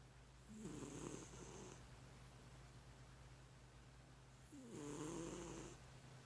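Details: Snoring during sleep: two slow, rumbling breaths about four seconds apart with a whistling edge, over a steady background hum.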